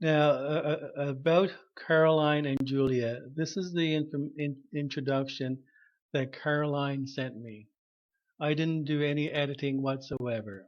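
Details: Stuttering in an adult man, self-diagnosed, who had severe stuttering when he began speech therapy at about age 21.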